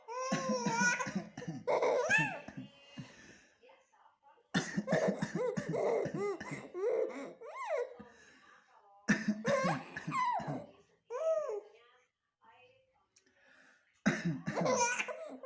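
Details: Playful, deliberate coughs from a father answered each time by his 5-month-old baby's bubbly laughter; a game, not illness.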